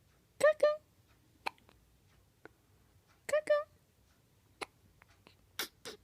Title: 12.10.14 hiccup